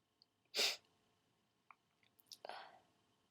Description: they requested i start out by stifling and then go to sneezing fullout...